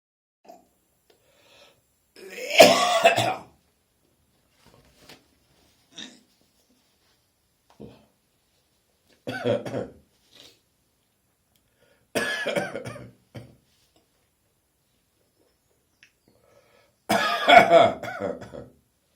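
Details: Adult with an early-morning summer cold, recorded on a phone partway through a coughing fit: four loose, harsh coughs spaced several seconds apart with small throat noises and gagging between.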